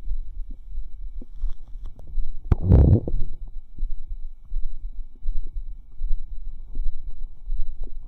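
Low rumbling with one louder bubbling gurgle and scattered soft squelches from the belly; ordinary bowel sounds.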